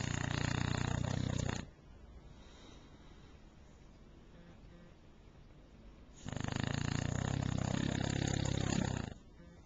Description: Kwyjibo The Bulldog snoring on my bed in the morning